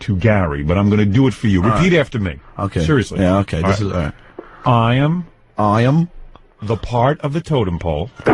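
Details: Adult men talking, radio broadcast; conversational speech.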